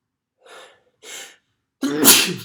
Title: Sneezing on October 3rd, 2020